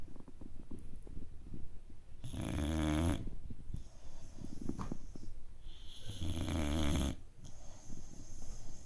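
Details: A 5-month-old boxer puppy asleep on a couch gives two loud, vibrating inhaled snores about four seconds apart, around 15 breaths a minute, with quieter exhales.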